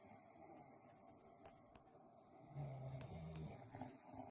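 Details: A man (brother or boyfriend) snoring while sleeping: quiet room noise, then a low buzzing snore on one in-breath, followed by a second shorter rattle; ordinary snoring.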